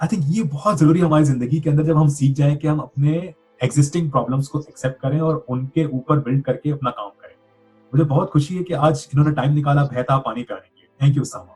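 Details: Adult male speaker; typical speech.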